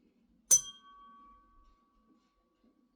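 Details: A sharp metallic strike and a clear ringing tone fading over about two seconds, then a brief voice: a tuning fork struck for vibration sense testing during a neuro, GI and musculoskeletal assessment demonstration.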